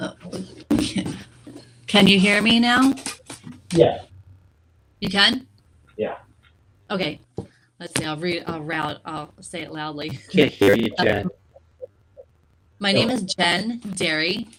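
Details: Woman with aphasia after a stroke, a member of an aphasia support group; word errors are heard; aphasia.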